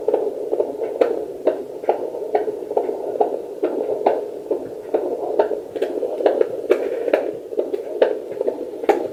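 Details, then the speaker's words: Fetal heartbeat on a portable home fetal Doppler with 2 MHz probe and gel, reading 141 bpm around 9 weeks of pregnancy: fast, regular whooshing pulses over a steady hum, normal rate. "see these reading 141 I don't know if you can hear that's how I check happy make sure it's still going regularly"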